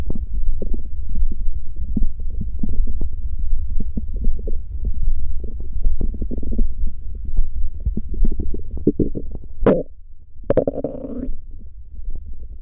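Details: Stomach growling recorded for ASMR, sound won't stop: low, continuous rumbling and gurgling with a few louder squeaky gurgles; borborygmi.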